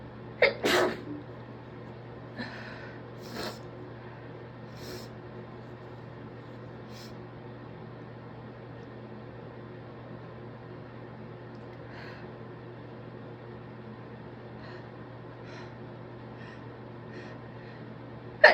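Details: Muffled sneeze burst then a few faint sniffs over room hum, deliberately induced by a congested, sniffly person who believes they have a stress cold.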